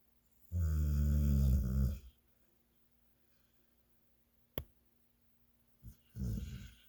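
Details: Man snoring: a loud, deep, rattling snore lasting about a second and a half, then quiet and the start of another; heavy snoring.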